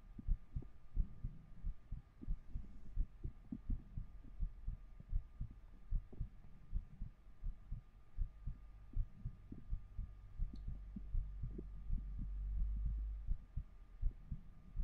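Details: Soft, low thumps at roughly 80 a minute under a faint steady hum, recorded with a 3Dio binaural microphone during an ASMR livestream; a muffled heartbeat.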